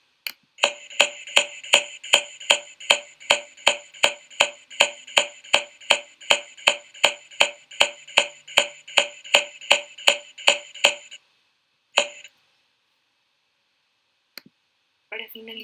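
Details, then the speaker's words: Dull percussion note over the chest, as found in pneumonia, atelectasis or pleural effusion, and when percussing solid organs such as the liver or spleen. "Podemos encontrarlo también al percutir vísceras macizas como hígado y vaso."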